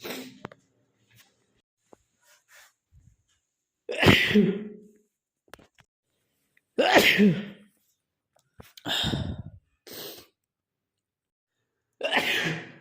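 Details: Male giving four or five sharp, explosive sneezes, some preceded by a brief inward catch, separated by quiet pauses.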